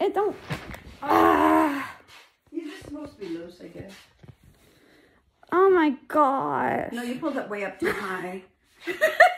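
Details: Adult speakers in a small room; typical speech.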